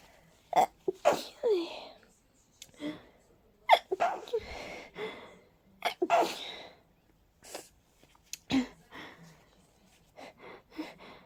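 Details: Person with a cold and a stuffy, sensitive nose: a rapid run of about eight to ten sneezes in quick succession, each with a sharp indrawn breath before it; a sneezing fit.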